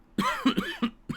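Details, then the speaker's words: Adult man with a lingering cough and a throat tickle a full month after a cold gives a quick run of four short, voiced coughs. "Excuse me yes if you can believe it we are a full month a full month after me having this cold and I'm still having lingering symptoms you can hear it I got a tickle in my throat right now"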